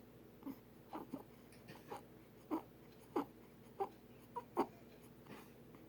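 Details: Infant's short, squeaky, high-pitched noisy breaths coming irregularly: stridor.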